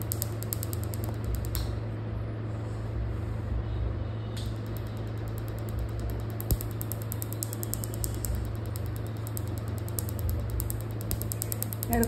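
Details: Tattoo removal session: steady low mechanical buzz with fast rattling pulses of the machine running on skin, with faint room noise.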